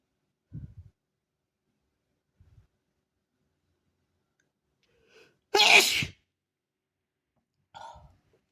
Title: three sneezes for you